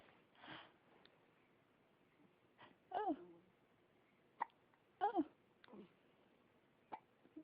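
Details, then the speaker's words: Hiccups in an infant girl: two clear, abrupt squeaky hiccups about two seconds apart with faint smaller catches between. "Good morning. Look it. has the hiccups."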